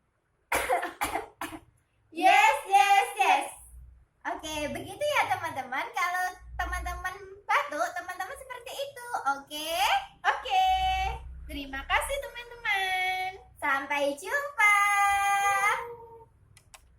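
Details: An acted demonstration by a kindergarten teacher teaching cough etiquette to children: a few short, deliberate cough bursts mixed with lively spoken instruction.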